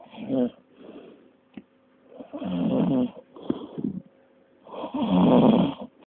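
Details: Rhino snoring: deep, rumbling snorts and snores at an uneven pace, with a low steady hum in the background.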